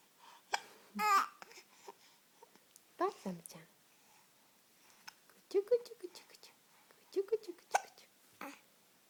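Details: An infant, hiccups starting after laughing: short, abrupt squeaky catches in the breath recurring every second or two, mixed with soft baby sounds; infant hiccups.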